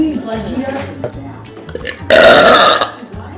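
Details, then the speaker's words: Adult woman (a mother) in a burping challenge: a loud, deep, rasping burp under a second long, after brief speech and faint background music. "yeah that was just a little leftover something happen the esophagus and the belly that one gross smells like beer"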